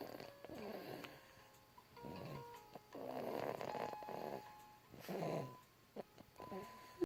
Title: Goober Snores